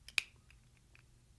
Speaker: close the inhaler by tilting the mouthpiece back until you hear a click